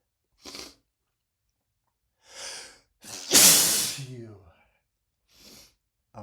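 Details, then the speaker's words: Sneezing triggered by black pepper used in cooking minutes earlier: repeated sniffing and snorting, one loud hissing sneeze, then a voiced groan. The sneezing is persistent. "And I had the brilliant idea of using a lot of black pepper."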